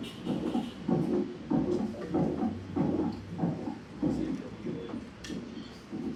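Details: Mitral regurgitation (mitral valve incompetence) murmur with a third heart sound.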